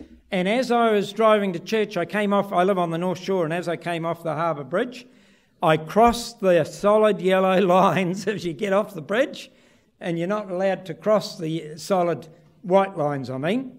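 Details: Adult male speaker; typical speech.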